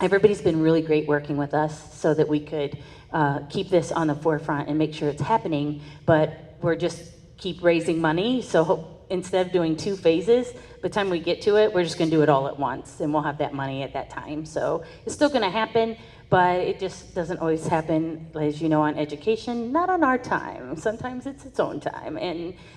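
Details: Adult woman speaking; typical speech.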